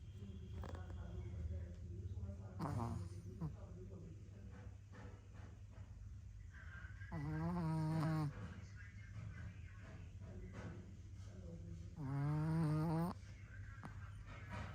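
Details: Female snorer: loud, rumbling, buzzy snores recur about every five seconds, roughly 12 a minute, over a steady low room hum. Snoring.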